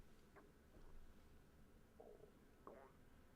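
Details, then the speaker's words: Low, faint gurgling stomach rumbles (borborygmi) with a few brief squeaky bursts over a quiet room hum, loud enough to notice while talking. "God my stomach can you guys hear that how embarrassing"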